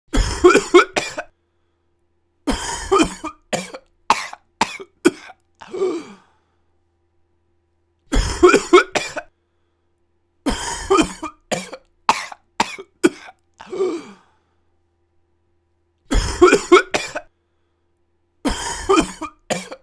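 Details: Simulated coughing sound effect: an adult acts out repeated coughing fits, each a strong cough followed by a run of shorter coughs.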